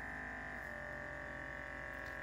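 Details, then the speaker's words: Omron automatic blood pressure monitor, used for comparison with a Colmi C8 Max smartwatch: steady low motor hum with slight pitch drop as the cuff inflates. "activate this after it stops pumping"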